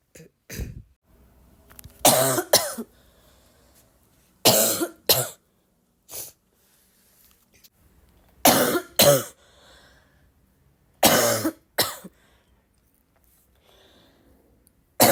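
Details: Person gives repeated short coughs, mostly in pairs, about five bouts in fifteen seconds with quiet pauses and exclamations of pain nearby; a persistent cough.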